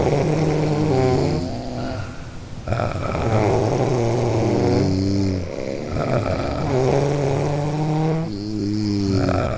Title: Everyone Snoring Sound Effect